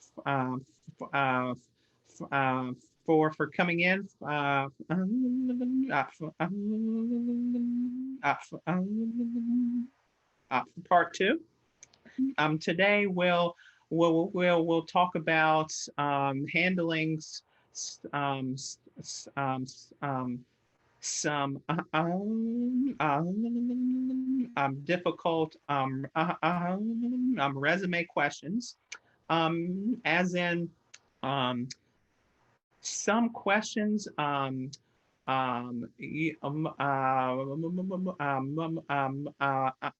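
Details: Stuttering in an adult who stutters, presenting at a webinar.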